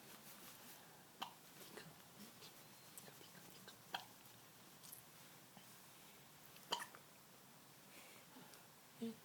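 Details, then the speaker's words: Infant with hiccups while awake: faint, brief, sharp hiccup sounds recurring irregularly in a quiet room, a few over several seconds; ordinary infant hiccups. "Not a fussy baby. Not if I have clean diaper and I'm well fed. I only hiccup."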